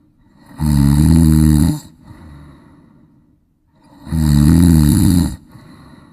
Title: Snore